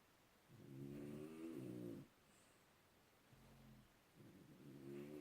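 Two louder and one softer voiced, buzzing breath sounds with a purring rattle, consistent with snoring.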